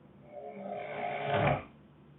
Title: snoring girlfriend wakes herself up